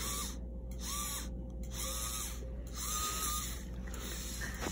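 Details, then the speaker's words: Dental polishing of a dog's back teeth, demonstration on unscaled teeth: prophy polisher cup pressed to the teeth before the pedal is pressed; high steady motor whine in short runs with pauses between. "so I want to put this I want to put this against the teeth before I press down on the pedal because otherwise it's gonna fling polish all over the place"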